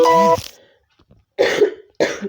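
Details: Adult on COVID-19 isolation day 6, slowly improving, with a tickly, dry, sore throat after dehydration; after a brief tone, two short dry coughs; dry cough.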